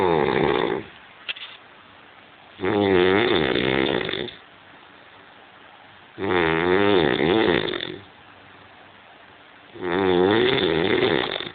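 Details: Snoring from a man sleeping while drunk: loud, rough, rattling snores on each in-breath, about 17 a minute, with quiet pauses between; heavy snoring.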